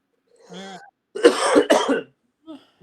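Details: Incidental cough during a podcast conversation: short voiced throat-clearing, two harsh cough bursts and faint trailing clearing.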